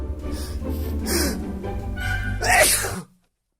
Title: I just wanted to sneeze..